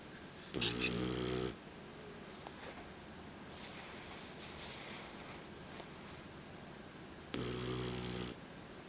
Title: Snoring Pig